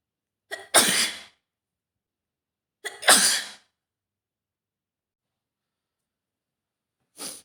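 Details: Adult woman with a full-blown autumn cold and stuffed nose: two sharp sneezes, each with a brief catching in-breath before the explosive burst, then the start of a third.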